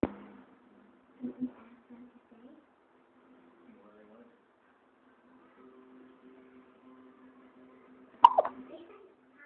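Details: Held upside down with hiccups: a few brief, abrupt, faint catching sounds spaced apart in a quiet room.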